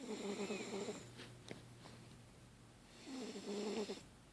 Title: Chowder Snoring